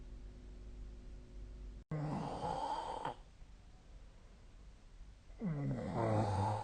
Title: 🐽 本日のイビキ / Snoring Sleep Sound 2025/02/28